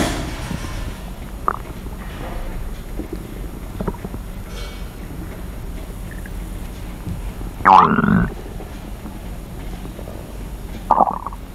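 Steady low hiss broken by a few brief gurgles and one longer sloshing rumble from the abdomen.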